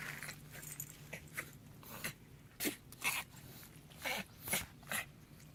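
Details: Dog having a reverse sneeze: repeated harsh, snorting inward breaths in an irregular run.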